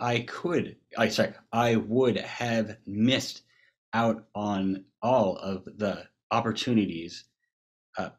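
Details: Global aphasia in a man after a massive stroke from a burst brain aneurysm at age 21 in 2009; he later attended an aphasia treatment program and sings in an aphasia choir.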